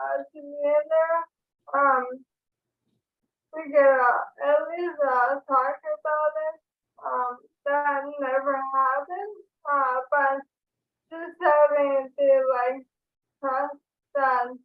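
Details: Woman diagnosed with ALS in 2014; dysarthria (ALS).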